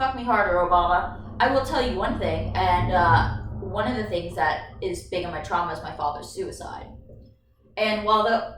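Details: Woman with Tourette's and seizures, who also has motor tics, blurts out an inappropriate phrase mid-sentence; vocal tic (coprolalia).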